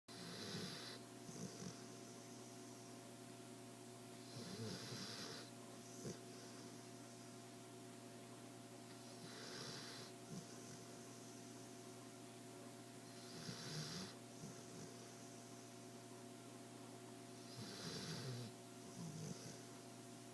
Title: Diesel snoring